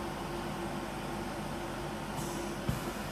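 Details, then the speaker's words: Home oxygen concentrator rated to 10 litres per minute, delivering about 93% oxygen: steady low motor hum with a faint tone and one soft click. "after that proceed to turn on from here so the oxygen concentrator will start working and then you can just place the laser cannulas to your nose"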